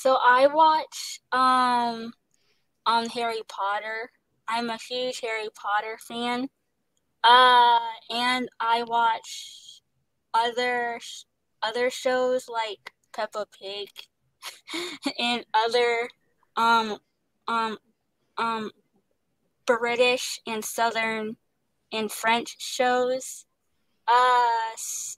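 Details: Young woman who stutters and receives speech therapy; she describes her stutter as pauses, word switching and restarting; genuine stuttering.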